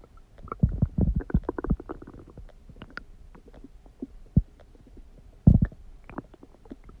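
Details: Irregular gurgling and rumbling bursts of varying loudness from a person's stomach; ordinary stomach growling (borborygmi).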